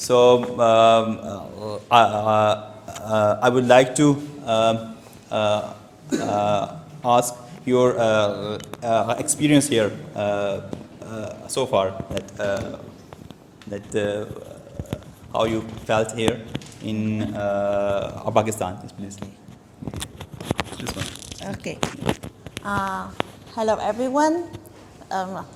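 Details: Adult man who has stammered since age two, giving a prepared speech at a stammering-support public-speaking session; stuttering.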